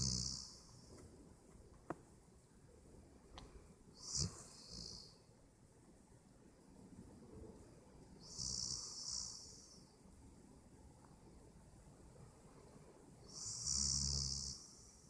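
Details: Hissing, rattly breaths about every five seconds, roughly 12 a minute, from a roommate asleep in a quiet room: snoring.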